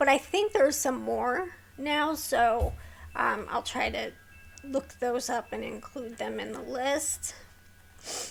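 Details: Vocal tremor in a woman with a neurological condition causing tremor of the hands, voice and head plus mild tardive dyskinesia; she strains to talk, which makes her throat sore.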